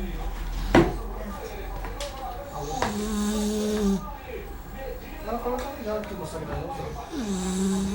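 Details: Small female dog asleep, not woken even by the phone ringing: drawn-out, buzzing snorts with some room noise; snoring.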